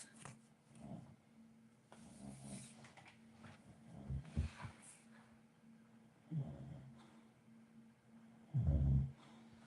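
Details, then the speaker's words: A sleeping dog snores loudly: low, rumbling snores, about five in ten seconds, over a steady room hum. Snoring. "Diamonds watching the eyelid channel. You can hear her snoring loud as [ __ ]"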